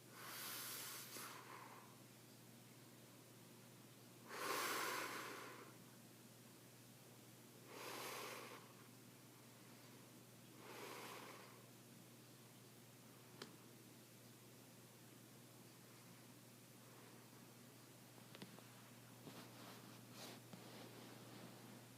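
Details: A father snoring in his sleep at night: slow, irregular noisy breaths with several rough snorting inhalations, then quieter breathing in a still room.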